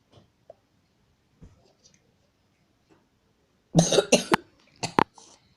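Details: Person coughing while playing a game: after quiet room noise, a burst of about four harsh coughs in close succession.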